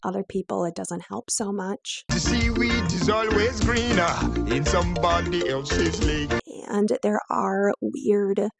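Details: Adductor spasmodic dysphonia, a neurological vocal cord spasm disorder, in a woman; moderately severe, with onset at age 16-17.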